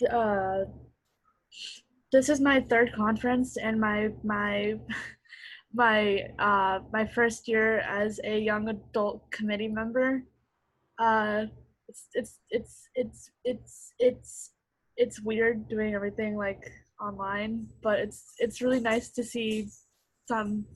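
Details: Young adult who stutters, a stuttering association committee member, speaking at an online open mic; real, unscripted speech with repeated words, showing stuttering.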